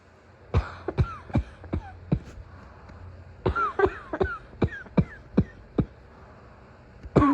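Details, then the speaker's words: Acted (simulated) morning coughing fit of a sick girlfriend: about a dozen sharp, wet-sounding coughs in two bursts with throat clearing between; described as going from wheezy to barking. "I hate being sick. The worst part is always the Morning cough."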